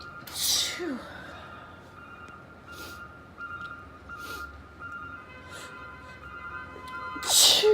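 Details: Sneezing fit in a female, cause unknown: sharp hissy bursts at start and end with softer sniffly puffs between, a run of sneezes; faint background tone.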